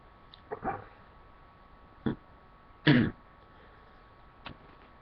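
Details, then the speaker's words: Wet, snotty sneezing with a ticklish left nostril and tearing eye, and sneezes set off again by looking up at a light: a few short, stifled bursts with a stronger, wetter one in the middle. "i kind of love when that happens like when you know that sneeze is coming and you just like look up at the light and it makes you sneeze again"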